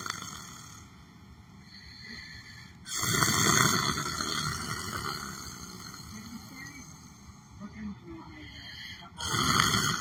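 A few coarse, rattling breath noises come several seconds apart over faint background sound. Snoring during sleep.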